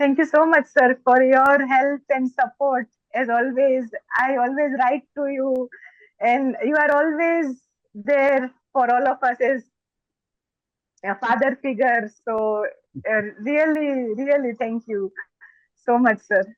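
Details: Adult woman, a doctor, who stammers, and more so when excited; stammering (stuttering).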